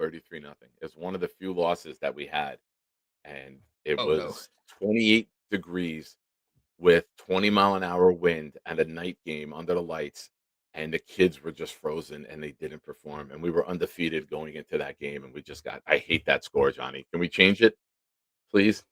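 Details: Adult man speaking; normal voice.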